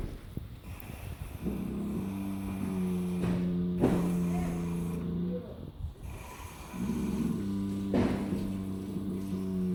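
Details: Sleeping Friesian horse giving two long, droning, low-pitched snores, each with a quieter breath between; snoring.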